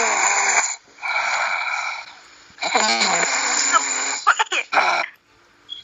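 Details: High-pitched, whistling, snorty breaths in a few bursts with short nasal snuffles, like breathing through a narrowed nose; snoring.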